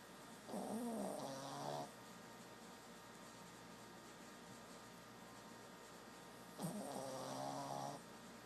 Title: Snoring Brussels Griffon